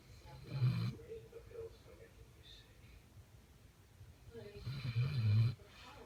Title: Catahoula leopard snoring